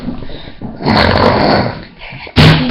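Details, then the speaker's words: Female sleeper snoring: a loud, rough, rumbling snore, then an abrupt snorting burst as she wakes herself up; indoor room noise. "just woke herself up by her own snore. How lovely."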